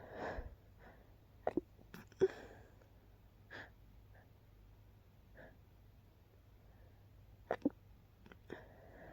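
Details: Person woken by repeated sneezing: several quiet, sharp, choked bursts with little breath noise in a quiet room; stifled sneezes held back at nose and mouth.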